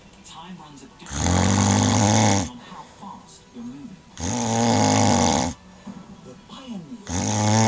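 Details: A wife snoring in her sleep: loud, rough, buzzing snores on breathing in, about three in eight seconds, with quieter breathing between them; ordinary heavy snoring.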